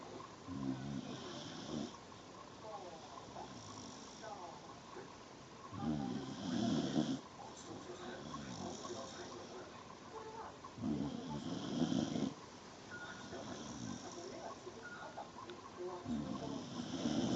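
Deep, rough, rattling snores come with each breath, about 11 a minute, with quieter snoring sounds in between.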